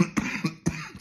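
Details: Cough from an adult who has viral laryngitis with an abnormal, hoarse voice.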